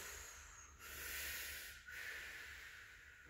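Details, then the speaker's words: Soft, breathy airflow rushing in two phases. It is a mouth imitation of normal vesicular breath sounds (vesicular murmur) heard on lung auscultation during a physical exam. "o que que eu vou escutar macumba murmúrio vesicular que significa que o araçá entrando está indo é aquele barulhos"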